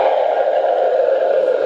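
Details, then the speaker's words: Doppler of a leg vein with varicose veins: steady continuous whooshing flow sound of blood traveling the wrong way down the vein, venous reflux. "the patient is awake there is minimal bruising and it's a very comfortable procedure this is a sound of blood traveling the wrong way down a"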